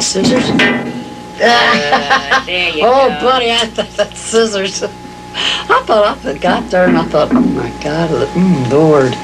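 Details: Patient with semantic dementia, with impaired understanding of word meaning, speaking during an object-naming task; semantic dementia.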